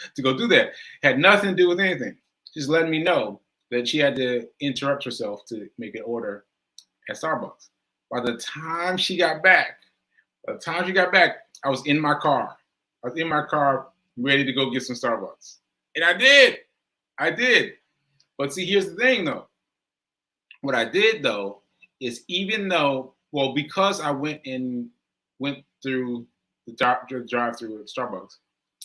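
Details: Self-reported aphasia in an adult, which the speaker says varies from person to person and feels worse on the day of recording; live, unscripted speech with aphasia.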